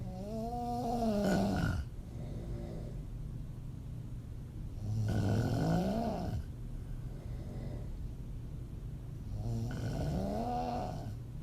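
Loud, rattling snores with a rising tone on each breath in, about 13 breaths a minute; open-mouth snoring.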